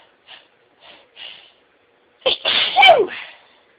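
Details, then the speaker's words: Sneeze during the biggest fit of a day of sneezing, after holding sneezes back at work: three short catching in-breaths build up, then one loud explosive sneeze that tails off. "I've been sneezing all day, but this is the biggest fit I've had. I've been working, so trying to stop them. And now they just don't want to be stopped."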